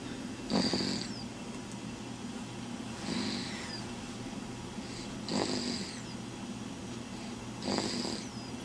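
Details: Four rough, rattling snores on breathing in, spaced about every two and a half seconds (roughly 25 a minute), over steady room hum; snoring.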